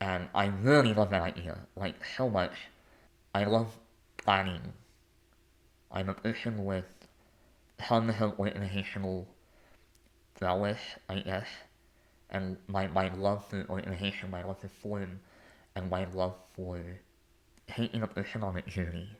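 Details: Adult male artist and conductor with a lifelong speech impediment; speech impediment.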